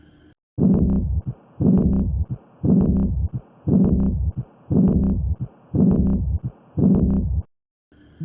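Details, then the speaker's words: Early diastolic murmur at the aortic and pulmonary areas, as in aortic or pulmonary regurgitation: regular heartbeat near 58 a minute, blowing murmur starting with the second sound and obscuring it. "زين، بالايورتيك والبولمنري راح اسمع ايرلي دايستوليك مرمر. شنو هذا الايرلي؟ الايرلي يعني فشي بالبداية يجيني، فاول ما تجيني الاس 2 يعني لب دب، اول ما تجيني الدب راح يجي وياها، فحتى الدب ما راح اسمعها."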